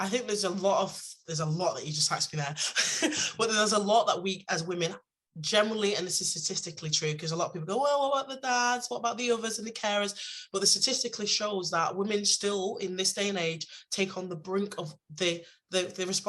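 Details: Adult woman speaking; Normal voice.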